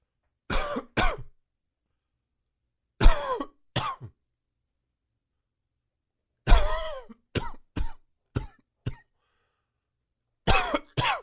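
Short, dry cough bursts in four quick fits, a hacking cough with no wet rattle.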